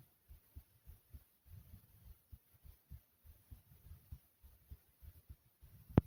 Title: Thumpy Heartbeat Sound ❤❤